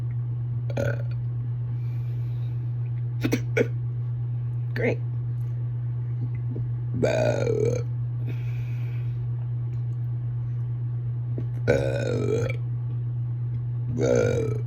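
Repeated short burps with some sharp, hiccup-like catches, over a loud steady low hum.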